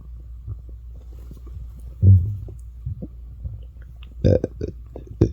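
Low, irregular gurgling and rumbling bursts from the stomach, ordinary hunger growls.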